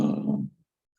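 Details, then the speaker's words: Inspiratory stridor from vocal fold paralysis with the fold in paramedian position: one harsh, low-pitched, noisy breath in lasting about half a second, showing impaired inspiration. "That's impaired inspiration, and that particular example was vocal stridor, inhalatory stridor, I should say."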